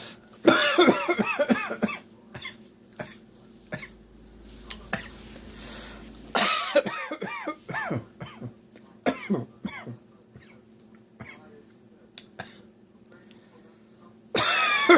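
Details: Sudden dry, clustered adult coughing bursts with short gaps, a tickly-throat cough that came on while hanging out washing.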